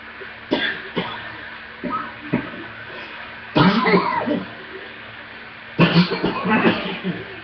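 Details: Severe coughing attack with deep chest coughs that shook the whole body and took the breath away, needing an inhaler and a breathing treatment: several forceful, deep, harsh coughs in bursts with pauses between.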